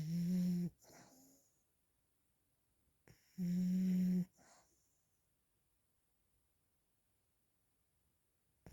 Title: snoring 😴